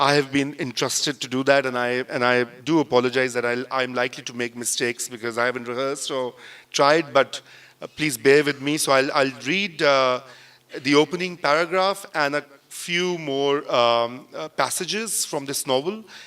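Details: Adult male speaker; normal voice.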